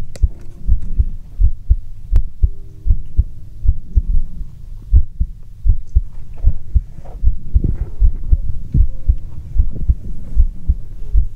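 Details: Normal heartbeat heard through a stethoscope, recorded as ASMR: steady low thumps at about 78 beats a minute with a faint hum behind.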